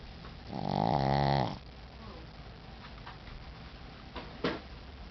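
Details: Tired shih tzu dog snoring: a single loud, rattling, low snore lasting about a second, then quiet room noise and a faint short sound.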